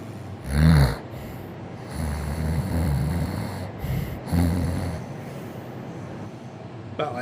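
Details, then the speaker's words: Person vocally imitating their female cat's quiet, occasional snoring, heard only when the apartment is very quiet: low, rumbling snort-like breaths; an imitation, not the cat itself. "And sometimes I have a cat who's a really wonderful cat, but every once in a while, and it's not very loud, has to be really quiet in this apartment before I hear it. I'll hear her snoring a little bit. She'll be like,"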